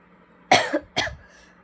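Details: Cough from an adult woman who reports fever the previous night and a failing voice: two short, forceful coughs with no wheeze or whoop.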